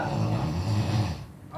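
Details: A friend asleep, snoring with low, rough, rumbling breaths that fade toward the end, recorded alongside a woman crying.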